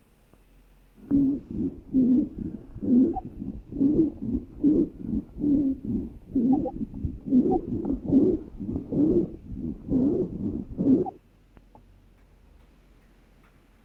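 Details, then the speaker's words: Wheezes in bronchiolitis: whistling, continuous sibilant sounds caused by airway turbulence. "ahora algo que sí me interesa también es el tema de los sibilantes no los sonidos que ustedes van a tener que es como un silvido no y es por eso es que se dice sibilante se meja ese silvido"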